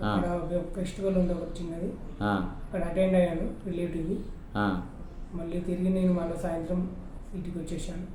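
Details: Puberphonia in a male, present for 6 years, improving after 15 daily 45-minute voice therapy sessions; he reports increased loudness and a voice shifting from female-like toward male.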